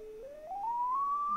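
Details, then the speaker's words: Sine wave tone from a tone generator app, swept to match tinnitus pitch for tinnitus therapy, chosen as a gentle precise tone rather than harsher waveforms; tinnitus pitch matching. "we're going to focus mainly on the sine wave because that is kind of the equivalent of using a fine laser scalpel we're doing a delicate surgery here we don't want to bludgeon our brain with sound"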